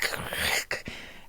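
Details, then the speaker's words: Vocal imitation by an adult woman of her own loud untreated heart murmur, audible even through a phone microphone and sounding like flowing fluid; breathy whooshing in two rushes: heart murmur. "my heart was like like I literally could record it with my phone like like you could hear like it you could hear it with just the phone microphone I I have a recording of it it was so loud and it and it sounded like fluid going somewhere it was like"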